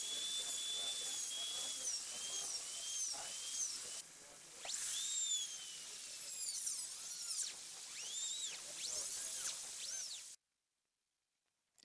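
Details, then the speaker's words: High-speed fissure or round bur held perpendicular to the lingual surface of a maxillary canine, cutting just through enamel to begin endodontic coronal access: high-pitched whine changing pitch as it cuts. "using a high-speed Fisher bur or round Burr held perpendicular to the lingual surface cut just through the enamel in the center of the pencil marked area"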